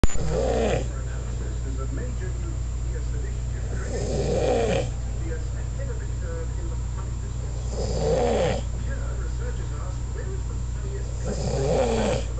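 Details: Person with a severe snoring problem, recorded on a school trip: loud rough snores about every four seconds, roughly 15 a minute, over steady low hum. Snoring.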